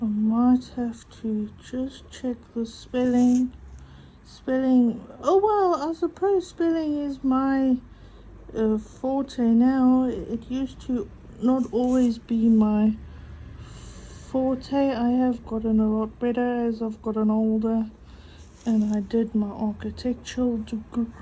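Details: Adult female with a stutter mainly on vowel-initial and W words and long phrases, coping with breathing techniques and a stuttering device on her phone: stuttering.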